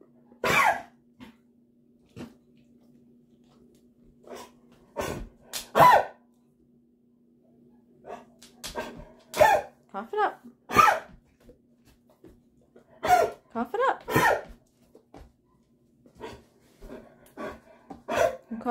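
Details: Dog Maggie with bad allergies and a hacking cough mimicking kennel cough, on Benadryl and finishing Augmentin, kennel cough possible from walks: repeated harsh, dry hacking coughs in short bursts before steam in the shower.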